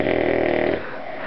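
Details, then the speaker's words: One loud, buzzing snore on a single breath, fading into quieter noisy breathing, from Sonny sleeping after coming home exhausted; loud snoring. "where is that sound coming from oh right there oh my God I think it's getting louder"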